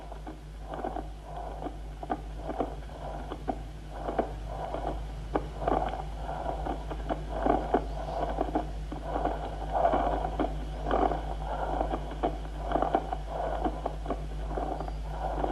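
Repeated dry, scratchy creaking bursts with the breathing, over a steady low hum: a pleural friction rub.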